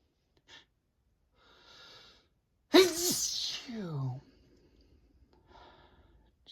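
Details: Male sneezing repeatedly in December, in a run he can't stop: quick inhalations, then one voiced sneeze, a sharp burst with a falling 'achoo', fading to a soft breath.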